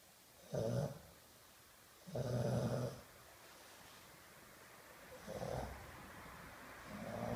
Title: Brutus, the snoring of the Bulldog